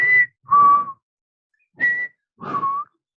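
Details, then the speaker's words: Four whistled tones in breath-like pairs, inspiration then expiration, are a mouth imitation during a teaching session of the whistling heard from inside the chest: wheeze (imitated). "Es un sonido parecido a ese, pero viene desde adentro, no es de la boca."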